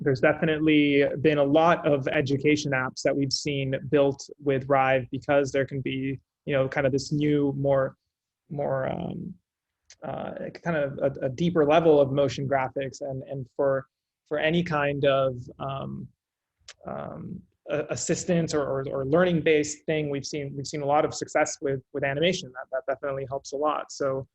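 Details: Adult male speaker; normal conversational speech.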